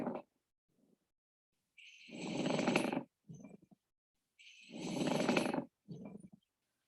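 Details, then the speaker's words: Pleural friction rub: harsh, low-pitched, dry grating like two pebbles grinding, with each inhalation and exhalation, heard over the front of the lung; attributed to infection inflaming the pleural layer. "next we have pleural friction rub which i call the pebble friction rub because it sounds like two pebbles being grinded together sounding a lot like this"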